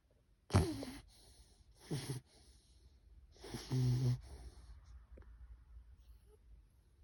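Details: A 5-month-old bulloxer (bulldog-boxer mix) puppy asleep: a few short, noisy breaths with a whistling, snorting edge, then quiet breathing; puppy snoring.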